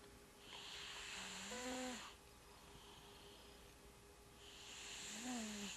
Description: This is my cat Kiddo having sweet dreams while snoring.